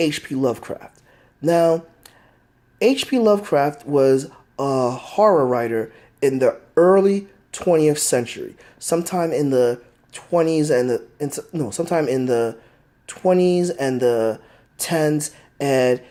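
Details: Stuttering in an adult man who says he has a stutter that is easily heard; a phrase repetition is heard.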